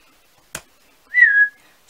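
A brief click, then a short, sudden whistle breaking into silence, consistent with a whistling vocal tic of Tourette syndrome.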